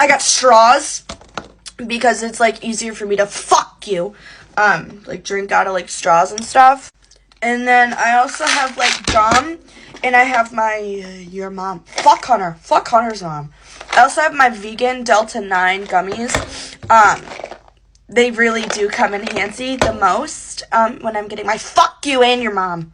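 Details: Female creator with Tourette syndrome; vocal tics with coprolalia (swearing) interrupting her sentences.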